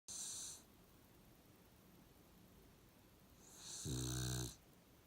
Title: Snoring Puggle.